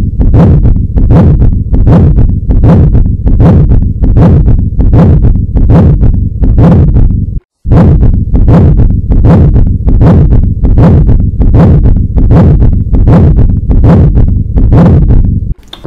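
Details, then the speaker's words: Canine and feline cardiology teaching demonstration: very loud, unbroken rushing systolo-diastolic murmur heard throughout the cycle, about 78 a minute, overloading the recording, likely with a palpable thrill; continuous murmur of at least grade 5/6. "Et vous pouvez donc avoir le souffle cistolodiastolique. C'est un souffle que vous entendez partout qu'importe le moment."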